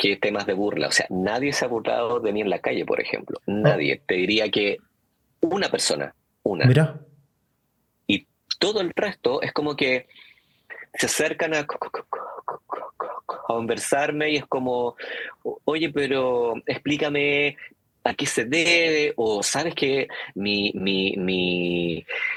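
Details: Stuttering in an adult man, speaking Spanish in an interview.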